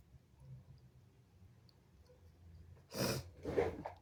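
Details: Two forceful sneezes in quick succession after a quiet stretch, spraying over phone and arm, followed by needing to blow the nose; sneezing.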